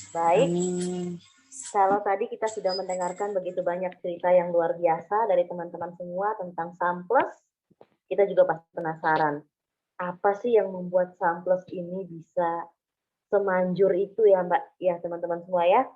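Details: Adult woman speaking; normal voice.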